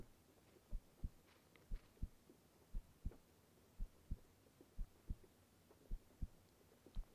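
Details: Simulated ASMR girlfriend-roleplay recording of a woman's own heartbeat while lying in bed: soft, regular paired low thumps at about 100 beats a minute with faint rain hiss; normal heartbeat.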